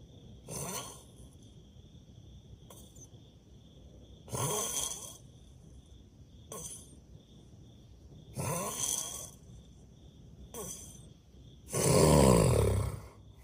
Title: My crazy snoring🤪 #snoring